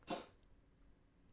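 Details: A single short, sharp cough-like burst from a cat, followed by quiet room noise; the owner says the cat has been sneezing and coughing and needs a vet.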